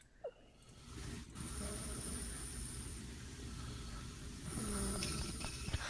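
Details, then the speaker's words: A 15-second snoring sample recorded overnight by a sleep-tracking app: soft, low rumbling breath sounds during sleep over steady room noise. The sleeper calls it tame snoring, close to ordinary breathing. "See, I feel like that's tame snoring for me, though. That Like, really that is. That's basically me breathing."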